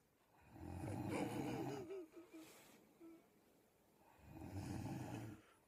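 Two rough, rattling snores on inhalation, the first with a wavering, fluttering tone, separated by quiet exhalation. Snoring.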